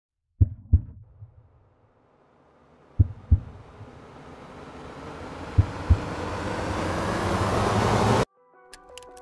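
Paired heartbeat thumps, about 55 a minute, under rising music; ordinary heart sounds heard through a stethoscope.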